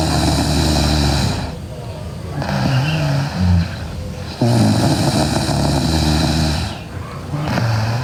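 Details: Sleeping girl with loud, rough, buzzing snores on each breath over steady background noise: heavy snoring.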